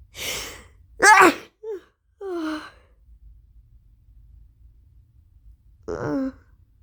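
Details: Person who started equine therapy at a ranch sneezing nonstop since; mother suspects an allergy to something there, new allergy medication just started: two forceful explosive sneezes with vocal trailing sounds, brief breaths between; suspected allergic sneezing.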